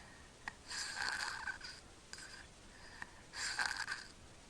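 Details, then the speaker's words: Child (Eli) snoring while mouth-breathing, not congested; pauses then gasps for air, the preceding breaths moving no air into the lungs: obstructed snoring breaths. "you can hear snoring he's breathing through his mouth knows he's not congested there it goes so that knows gasping for air the breaths they took beforehand he was actually not getting anything into his lungs"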